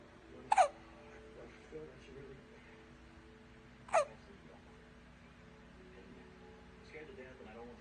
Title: little man got the hiccups in his sleep😴